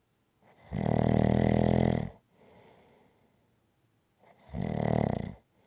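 Two loud, deep, buzzing snores with soft breaths between, roughly 16 breaths a minute: steady rhythmic snoring.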